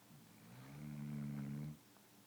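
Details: A single low, droning, buzzy snore on an in-breath, steady in pitch, about a second long, from a sleeping dog; snoring.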